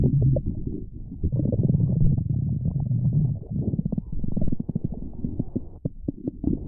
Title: Stomach Growling V1